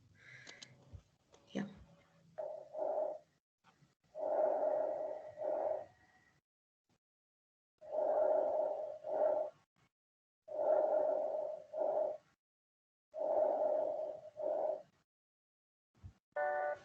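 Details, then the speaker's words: Stethoscope diaphragm over the trachea: a very loud blowing sound of air in the trachea, softening toward a vesicular sound as it moves toward the lungs; normal tracheal and vesicular breath sounds. "ya cuando pones la el estetoscopio la membrana que es más grande sobre la tráquea vas a escuchar como un soplido muy fuerte lo que pasa en el aire de la tráquea"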